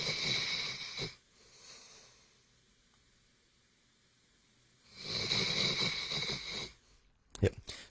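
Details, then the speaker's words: A lazy female dog snoring while asleep, usually lying under the owner's feet; she snores near constantly when asleep and sounds like a human: dog snoring. "And she snores near constantly when she's asleep. I recorded it the other day because I was going to put it in an episode. I'll let you hear it. This is her snoring while I'm trying to record. She really gets going."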